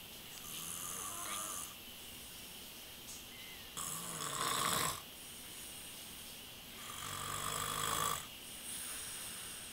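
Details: Loud, harsh snores with each breath in, about every three seconds, with quieter breathing between, from a sleeping man who denies that he snores; heavy snoring.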